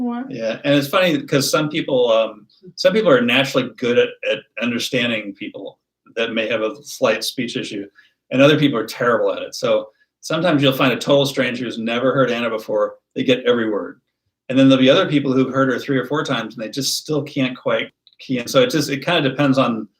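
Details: Adult man speaking; typical speech.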